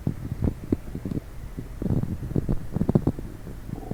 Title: coffee and diet coke , stomach noise.